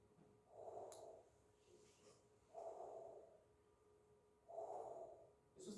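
Soft, even breath sounds through a stethoscope, about three cycles in six seconds: normal vesicular breath sounds.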